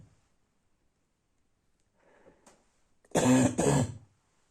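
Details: Two harsh, loud barking coughs in quick succession after quiet breathing, occurring at night.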